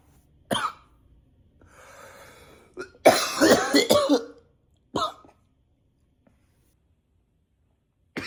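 Repeated dry coughs, single and in a quick cluster, with short breaths between, over about eight seconds: persistent coughing.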